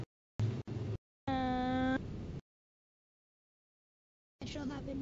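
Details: Girl, a child or teen aged 8 to 17, with dysarthria, taking part in a personalized synthetic voice project, producing a sentence: dysarthria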